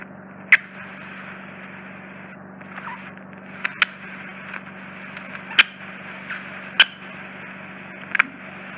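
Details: Steady high suction hiss with sharp clicks and crackles as loose, fully occluding wax is drawn into the probe during endoscopic microsuction of both ears with a Clearwax iCLEARscope; ear wax suction device.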